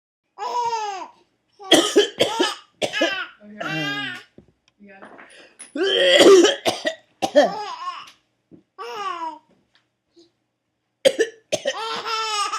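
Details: Dad's cough: several harsh adult coughs alternating with a baby's bright laughter as the baby finds the coughing funny; plain repeated cough.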